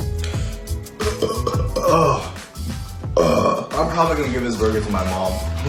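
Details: Deliberate burping by a man during an eating challenge: long, loud, voiced belches, drawn out and rumbling, with music in the background.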